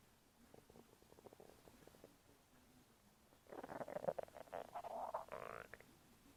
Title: stomach making noises after eating Oreos